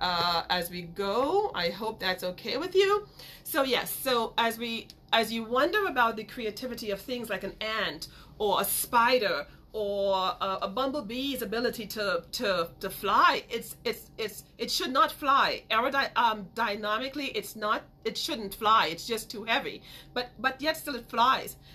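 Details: Woman who grew up with a major speech impediment and still stutters sometimes; word repetitions; stuttering.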